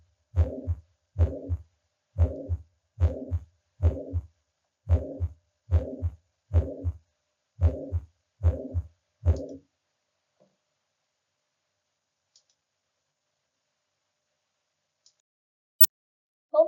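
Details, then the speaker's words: Holosystolic murmur of tricuspid regurgitation at the tricuspid area (fourth intercostal space, left sternal border), patient supine, stethoscope diaphragm; louder with inspiration or liver pressure; regular heartbeat about 73/min with soft blowing sound between the heart sounds. "you may hear a very common holosystolic murmur and the intensity can increase with inspiration or if you apply pressure over the liver"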